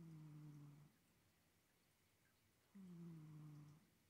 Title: ASMR cat snoring